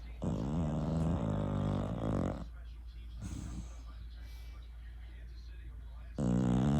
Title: Opie Snoring